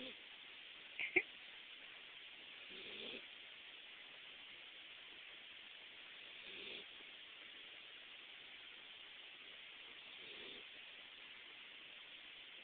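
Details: Soft, faint snoring from a sleeping Dachshund lying on the bed in the owner's lap, about 16 breaths a minute over a steady hiss.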